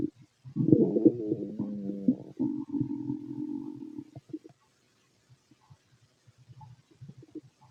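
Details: Stomach growling in a fit adult male heard with a stethoscope over the abdomen: loud gurgling and rumbling with tonal, wavering squeaks, then softer scattered gurgles; normal bowel sounds (borborygmi).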